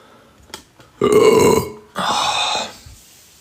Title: Hot Men Burps in Live TikTok